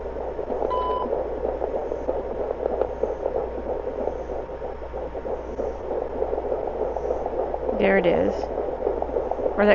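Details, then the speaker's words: Rapid rhythmic whooshing fetal puppy heartbeat on Doppler over a pregnant German Shepherd dog's abdomen before labor, about 204 and 202 per minute, possibly two puppies, over steady hum with a brief chirp; healthy heartbeats. "that could be another one. 204, 202. Nice healthy heartbeats."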